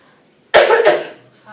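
A child gives a short, acted double cough, two quick harsh bursts running together, in a quiet room.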